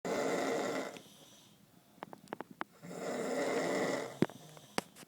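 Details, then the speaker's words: Young woman asleep around noon, snoring loudly enough to vibrate the walls: loud, rough, rattling breaths on inhalation with quiet pauses and a few clicks between them. "21st birthday. It's about noon. Walls are vibrating. Michael, he sleeps quietly. I don't know how he sleeps through this. She's a bear. Sounds like a bear."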